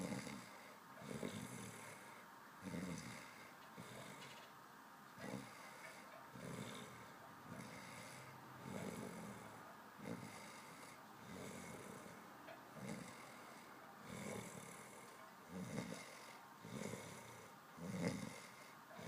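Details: Steady snoring with about 13 snorts in 19 seconds, a rough noise on each breath; snoring.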